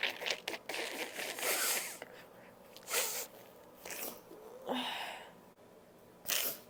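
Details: Several loud, unstifled sneezes with sharp explosive bursts and breathy intakes between, from a compilation of three sneezing recordings.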